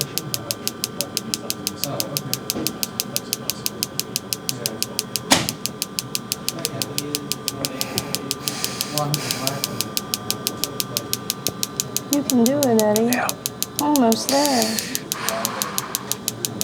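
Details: Focused shockwave therapy for knee patellar tendinopathy at increased intensity late in the session, after mild settings were judged too low. Rapid regular clicking pulses, about three a second, with background voices.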